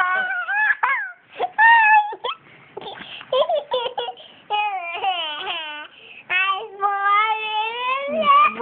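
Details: Infant boy laughing and hiccuping at the same time: rising and falling cry-like wails broken by short catches, mixed with laughing sounds; infant cry.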